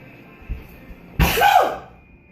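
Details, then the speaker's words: Sneeze in a person after deliberately taking a big whiff of chipotle pepper rub seasoning: a brief inhaled catch, then one loud, forceful sneeze that trails off. "Those are sneezes, by the way, not coughs. Bless you. Snos. I can't stop sneezing."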